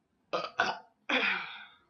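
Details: Adult woman drinking soda in a burping contest: three loud, throaty burps in quick succession, the last long and drawn out, bringing up air swallowed with the fizzy soda.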